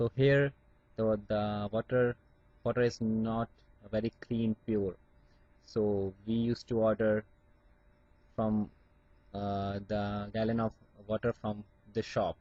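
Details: Adult Indian man who still stammers, with blocks on certain words such as P words, speaking with acceptance of his stammer; stuttering.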